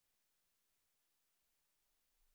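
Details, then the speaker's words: Simulated high-pitched tonal tinnitus: a steady, very high-pitched pure tone fading in and out, as experienced by a person who finds it worse when tired, stressed or unwell. "Degenen onder jullie die hier eerder op mijn kanaal zijn geweest, zullen weten dat ik, net als 10 tot 15% van de wereldbevolking, ook last heb van hoge tonale tinnitus, die ongeveer zo klinkt."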